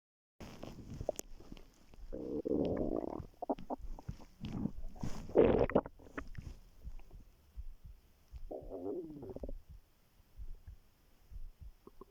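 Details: Irregular gurgling and low growling gut sounds in a quiet room while lying on the stomach; stomach rumbling.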